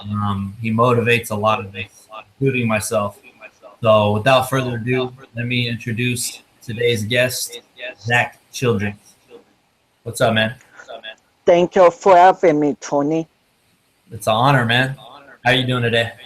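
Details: Adult male host, then a second adult male; typical speech.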